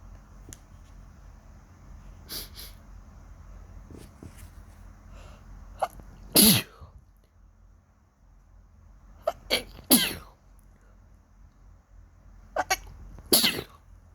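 Several sharp, explosive sneezes in quick succession over room hum, with small sniffs between them.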